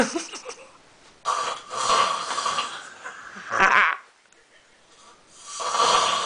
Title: Drunk man snoring and balancing can on head